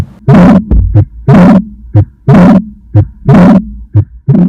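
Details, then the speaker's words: Simulated Austin Flint murmur from an adult/pediatric auscultation trainer manikin: heartbeat at about 60 a minute with a long, low rumbling murmur in each cycle, compared against a normal heart sound. "So here I have taken one normal heart sound. And next I'll selecting the another sound which is Austin flint murmur."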